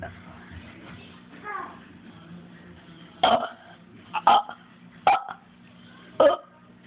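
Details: Person burping deliberately, with an acid sensation up the nose shortly before a loud burp: four loud, abrupt burps over about three seconds after quiet room noise; repeated belches.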